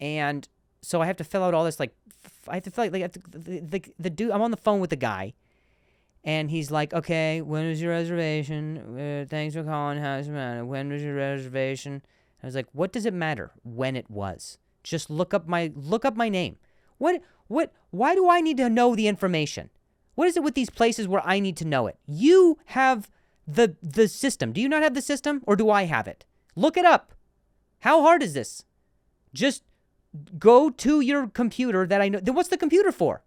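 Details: Adult male comedian and podcast host who stutters, in real speech with repeated words: stuttering.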